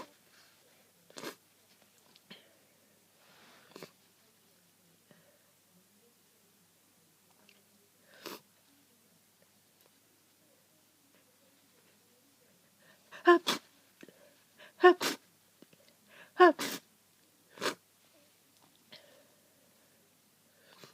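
A few faint sniffs, then a run of four or five sharp, wet sneezes in quick succession in a quiet room.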